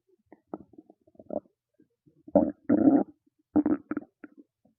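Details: Hungry stomach growling: loud bubbling, gurgling rumbles in short bursts with quiet gaps, normal bowel sounds (borborygmi).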